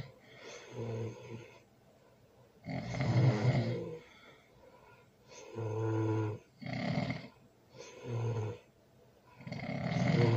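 Loud, deep, rattling snores on several breaths in a quiet room, with softer snoring in between.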